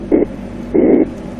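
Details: Arterial bruit example, listened for over the carotid or femoral area during vascular examination: two soft whooshing bursts in time with the pulse over a low hum.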